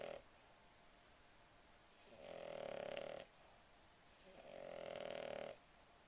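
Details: Puggle dog snoring during a Saturday afternoon nap: regular buzzing snores, each about a second long and roughly two seconds apart.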